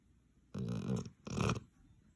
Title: Sleeping Puppy Snores Like A Buzzsaw